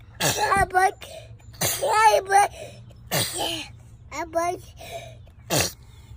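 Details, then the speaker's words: Baby sneezing: several brief sharp sneeze bursts, each followed by small high-pitched baby vocal sounds; ordinary infant sneezes. "baby is a dramatic sneezer check oh he caught it bless you"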